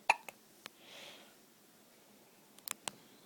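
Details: Baby girl with hiccups, making funny little noises and seeming uncomfortable.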